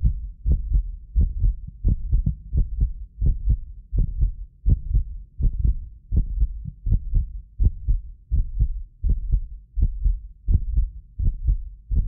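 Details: Heartbeat of a self-described medically fit person, recorded with several precision contact microphones: steady deep lub-dub at about 83 a minute; occasional doubled clicks are a 6 ms multi-microphone delay artifact. Normal heart sounds.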